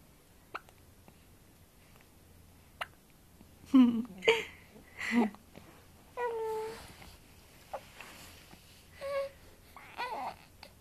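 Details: 4-month-old baby girl: brief sharp hiccups recurring every few seconds amid soft coos and babble in a quiet room; hiccups.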